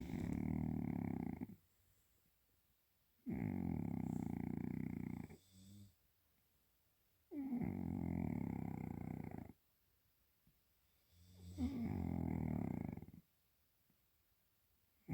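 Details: Cat snoring deeply and loudly during sleep: rattling snores with each breath in, about 16 breaths a minute, separated by short silent pauses; ordinary sleep snoring.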